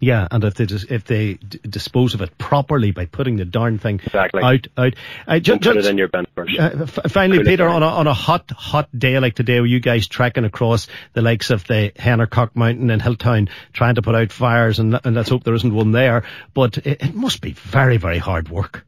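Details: Adult man, radio host; normal speech.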